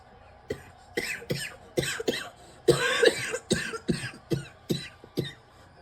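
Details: Adult coughing fit: a rapid run of about a dozen harsh, forceful coughs with barely a pause, from someone who says they cannot stop coughing.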